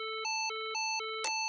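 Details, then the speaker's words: Physio-Control LIFEPAK CR2 semi-automatic AED in child mode, CPR training demonstration: after rhythm analysis and "everyone clear," a rapid alternating two-pitch electronic warble prompts the rescuer to press the flashing shock button. "Analyzing heart rhythm. Everyone clear. Press flashing button."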